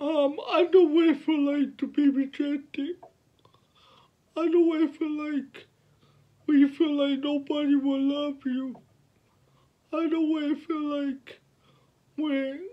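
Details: 29-year-old man with cerebral palsy since birth, born prematurely at five months; finding: dysarthric speech (cerebral palsy)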